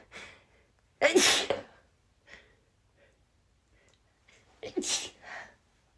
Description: This was relentless, oh my goodness! Stifled #sneezes leading to a nonstop rapid #sneezing fit.